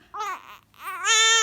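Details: Korean baby cries in two brief bursts, the second rising into a loud, sustained, high-pitched wail, while saline and boiled water are used in the nose to induce sneezing: infant crying.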